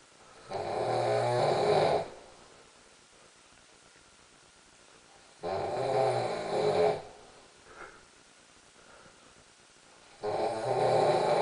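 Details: Snoring during sleep: loud, rough snores about two seconds long, roughly every five seconds, with quiet exhalations between; likened to Darth Vader with a head cold.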